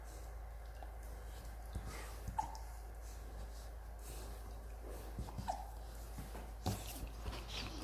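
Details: Rottweiler puppy with ordinary hiccups: several brief, sharp hiccup sounds at irregular intervals over a steady low hum.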